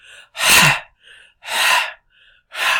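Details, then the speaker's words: Lecturer voluntarily demonstrating deep, loud, rapid breaths in quick succession: simulated hyperpnea with somewhat tachypnea. The speaker notes this is not strictly hyperventilation in physiological terms. "what I'm doing is deep breathing, hyperpnea, and somewhat tachypnea, fast breathing."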